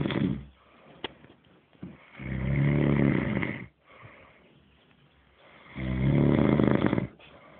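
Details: Sleeping subject said to snore "like a dog", with loud rough snores on each in-breath about every three to four seconds and quiet exhalations between; ordinary sleep snoring.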